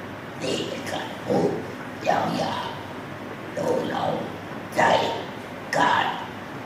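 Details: Thai speaker after total laryngectomy (whole larynx removed) practising forming words once the 'a' sound is achieved; esophageal speech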